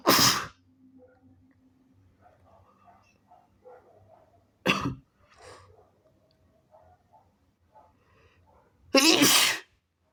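Three loud, wet sneezes with quiet breathing and faint sounds between them; ordinary sneezing.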